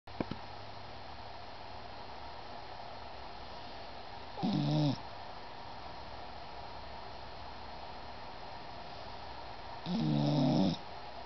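Two drawn-out, buzzy snoring breaths about six seconds apart over steady room hum; a sleeping cat snoring.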